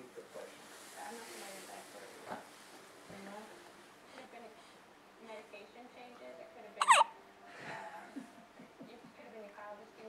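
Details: Soft talking and child sounds in a room, with one sudden, sharp hiccup standing out; a person with hiccups.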